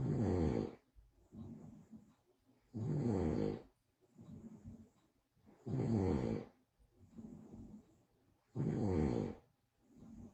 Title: 🤔 So this Bozo got caught on live snoring her title "heart broken" Ashley new boo